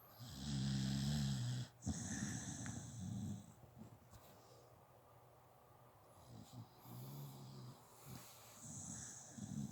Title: Zoey girl snoring the night away, Sadie baby just chilling at home